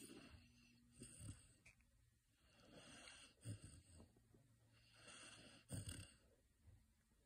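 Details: Sleeping female Saint Bernard puppy: soft, irregular snoring breaths, about 27 a minute, with faint snorts and low room noise; gentle snoring.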